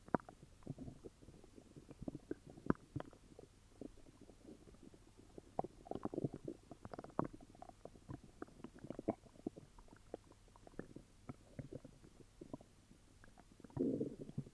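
Quiet, irregular gurgles and squelching rumbles from the belly, swelling near the end; active stomach growling with an upset stomach.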